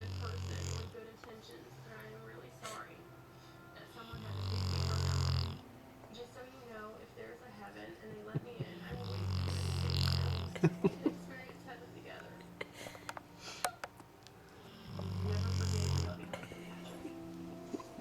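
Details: 10-month-old Rottweiler dog snoring while asleep after a long afternoon: deep, rumbling snores about every five seconds, with quieter breathing and small sounds between.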